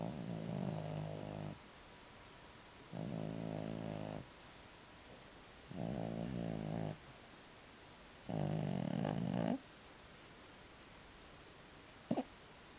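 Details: Sleeping cat, four even buzzing snores roughly 18 a minute with short gaps, then a brief sharp noise, louder than the TV; snoring.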